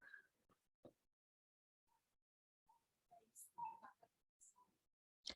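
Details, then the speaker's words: Newborn in severe respiratory distress, with scissoring of the feet and an oversized mask: faint, brief, repeated expiratory grunting. "the baby is actually grunting and the baby is in severe respiratory distress"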